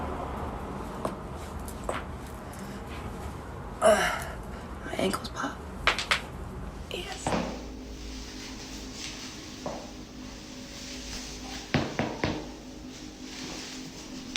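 Several sharp, brief clicks and pops over quiet room noise, typical of harmless ankle joint popping.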